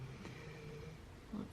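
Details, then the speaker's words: Loud snoring from a pet sleeping in a quiet indoor room: a low, rough, droning rumble. "you can hear Luna behind me she is snoring up a storm"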